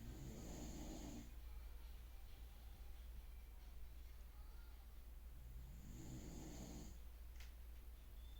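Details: Snoring during sleep, recorded 2024-06-16: two low rattling snores about five seconds apart over a steady low background hum.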